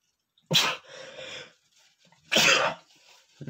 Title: male sneezing #27 (I have a strong allergy to perfume)